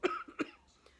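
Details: Two short, fairly dry coughs from an adult with bronchitis, a fraction of a second apart, in a quiet room; an X-ray was ordered to rule out pneumonia; cough (bronchitis).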